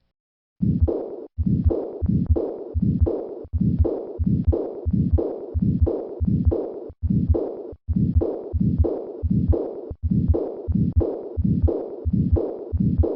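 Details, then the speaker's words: Severe aortic regurgitation with a systolic flow murmur: regular heartbeat about 87 a minute, with loud whooshing murmurs nearly filling the gaps between beats. "Listen once again to a patient with severe aortic regurgitation and a systolic flow murmur."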